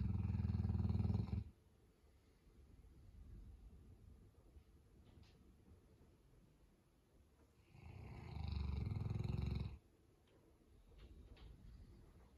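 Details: Boerboel dog snoring while sleeping in: two long, deep rumbling snores about eight seconds apart, with quiet breathing between.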